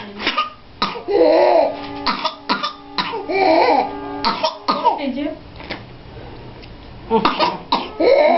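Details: A child's runs of sharp, rapid coughs with long, high, strained breaths in between and difficulty breathing, typical of whooping cough (pertussis).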